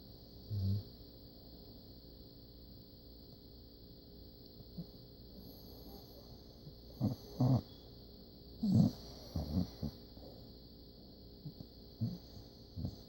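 Short, low, snorting snores and snuffles come irregularly over a steady high background hum. Puppy snoring in sleep.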